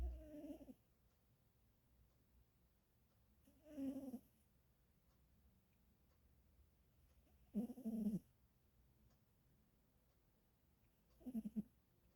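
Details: A sleeping pet snoring: four short, low, rattly snorts spaced several seconds apart, about 16 a minute, in a quiet room.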